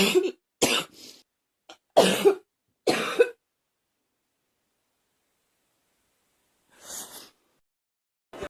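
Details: Girl's acted cough: five short, sharp, dry-sounding coughs in quick succession, then a soft breath after a pause.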